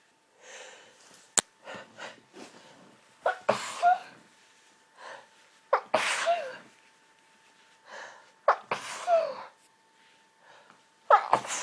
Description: couldn't get to sleep for the endless hayfever sneezing today so recorded this for you all